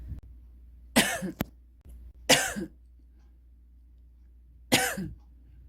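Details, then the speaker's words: Woman about one month after COVID-19 (onset around 7 September, recorded 1 October), lingering cough she attributes to weak bronchi, much improved; three dry, harsh single coughs a few seconds apart in a quiet room; post-COVID cough. "제가 기관지가 약한 편인가 봐요 그래서 지금도 기침을 좀 하는데 어 이게 많이 좋아진 거예요"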